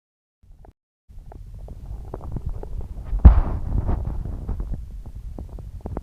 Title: Upset stomach growling